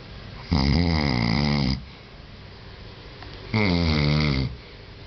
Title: Long Snoring